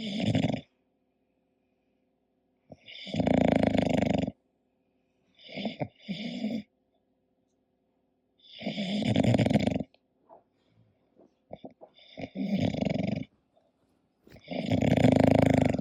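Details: English bulldog sleeping: loud, rough snores, about six breaths in 16 seconds, some broken into snorting catches, with quiet pauses between; snoring.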